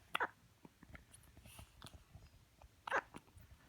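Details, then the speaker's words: Pet on her first day at home, hiccuping for about five minutes straight: two short, abrupt hiccup bursts about three seconds apart over quiet room noise; hiccups. "Panda that's a good hiccup"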